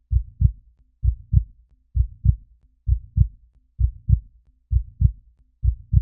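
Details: A heartbeat sound effect: steady, regular lub-dub thumps at about 65 beats a minute, deep and clean with no added noise.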